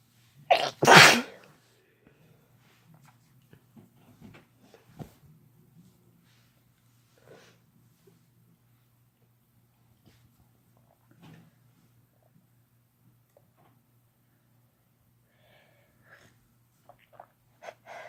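One loud, forceful sneeze at the start, then quiet sniffs and small movement noises over a faint room hum.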